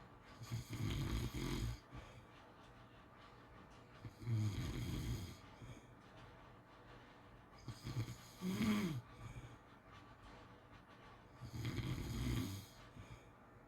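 Soft, fluttering snores about every four seconds, roughly 17 a minute, with a low background hum; ordinary snoring in sleep.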